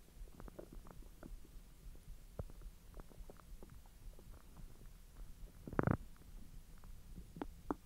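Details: Frequent soft gurgles and clicks with a louder rumble near the end as hotdogs are digested after a 10-hour empty stomach; active, normal bowel sounds.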